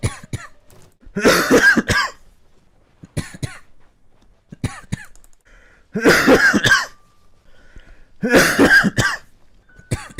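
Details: Three harsh, voiced coughing bouts, each a quick run of coughs with short throat-clearing sounds between them; repeated cough from a coughing compilation.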